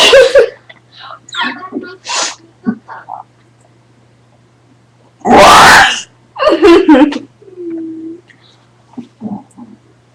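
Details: One loud, explosive sneeze among brief vocal sounds and a short hum, recorded during a male sibling's burping show.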